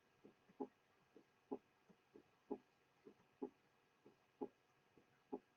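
Regular heart sounds at about 63 beats a minute, each first sound followed by a soft, low-pitched murmur in systole before the quieter second sound. This is an innocent systolic ejection murmur, a harmless flow murmur in a normal individual, often heard in hyperdynamic states.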